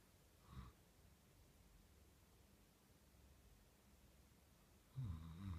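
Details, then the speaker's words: Female Basenji dog snoring while asleep, tail end only: quiet room with two brief, soft snoring breaths, the second louder. "Thieva, you were snoring. Oh, girlie. Not very ladylike."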